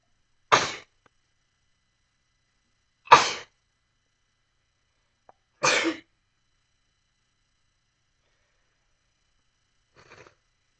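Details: Three sharp, explosive sneezes a few seconds apart, then a faint fourth burst, in a quiet room; sneezing compilation clip.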